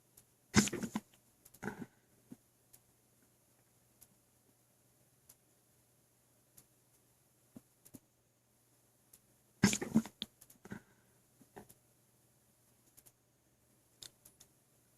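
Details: Hiccups after overeating pizza and hot wings, recorded with a phone placed on the stomach after drinking milk and water: two abrupt muffled jolts about nine seconds apart, each followed by gurgling, with faint clicks and belly sloshing.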